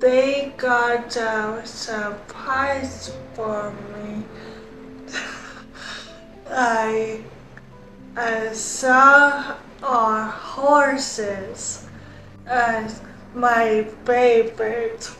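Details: Young woman who had multiple strokes at age 25 in 2021, with limited use of her right side, after outpatient rehabilitation; aphasia with apraxia of speech.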